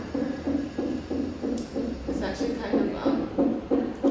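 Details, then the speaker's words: Fetal heartbeat on Doppler at a gynecologist appointment, baby in breech position, awake and moving: rapid, regular whooshing pulses around 180 a minute. "calming to hear the baby's heartbeat."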